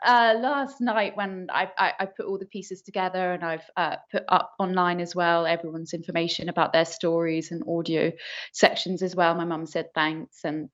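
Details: Adult woman speaking; normal speech.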